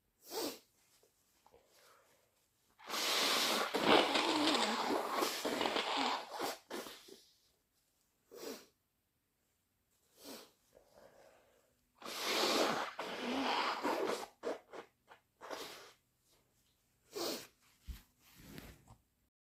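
Several loud bursts, mostly from the nose, with thick wet sniffles and nose blowing between them; sneezing brought on with sneezing powder.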